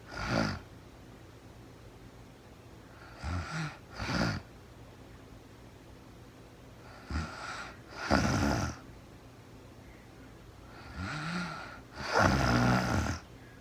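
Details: Real-time recording of a sleeping woman who was very tired: irregular snorting snores and noisy inhalations, some in pairs, about fifteen a minute, in a quiet room; snoring.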